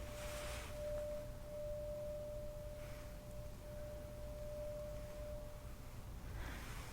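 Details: A steady, soft pure tone hums for several seconds over faint room noise; a tuning fork in a soft-spoken roleplay ear exam and hearing test, acted rather than real.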